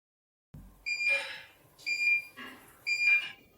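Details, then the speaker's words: SOGA diode dental laser at 4 watts cutting red meat model, about 2 mm deep per pass with smoke: three high-pitched beeps about once a second, each with a brief hiss; laser emission tone. "Here I can achieve a more effective cut now with this 4-watt power here."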